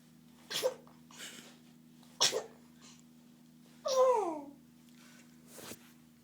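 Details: Three sneezes in a row from a boy: several small, sharp bursts of air with a brief voiced squeal, separated by quiet room hum; sneezing.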